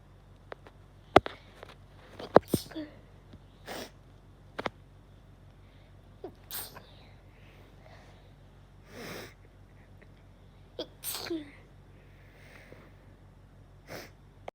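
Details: Repeated sharp sneezes with brief sniffs between them, from a person with a cold: sneezing.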